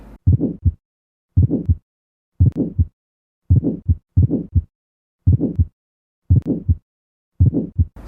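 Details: Teaching recording of aortic stenosis for OSCE students: regular heartbeat near 60 a minute with a harsh, rising-then-falling murmur filling each beat.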